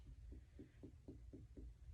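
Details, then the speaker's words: Abdominal percussion starting in the left lower quadrant, after bowel sounds were heard in all four quadrants: soft, evenly spaced hollow taps giving a normal tympanic note, no abnormal findings. "All right, so no abnormal findings. It was hollow. It sounded hollow. So that is normal."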